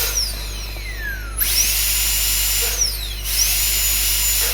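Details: High-pitched dental drill whine rising and falling as it refines the outline form of a conventional class 2 cavity preparation on a mandibular first molar, occlusal and mesial surfaces.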